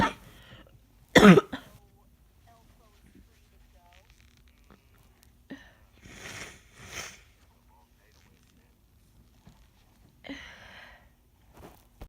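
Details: Adult with a common cold: a single loud, harsh cough followed by soft breathing and sniffling.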